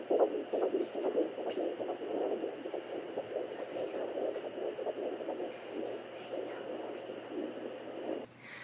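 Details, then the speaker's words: Fetal heartbeat on a home handheld fetal Doppler: rapid, regular whooshing pulses, with occasional booms from the baby kicking the Doppler. "so this is what baby heartbeat sounds like right now"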